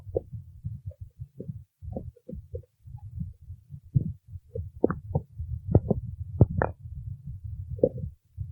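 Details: Irregular low gurgles and bubbling pops in quick succession from a hungry stomach; stomach growling (borborygmi).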